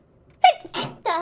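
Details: Sneeze from a compilation of one person's sneezes: a quick indrawn breath followed by a sharp voiced sneeze burst and a short vocal tail; an ordinary single sneeze.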